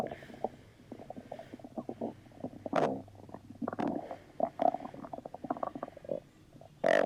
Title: Marshall stomach rumbling 3